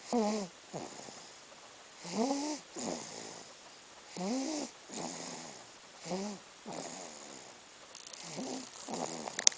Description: my snoring, 4 months